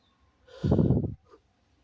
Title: sneezing on my elbow (he/they)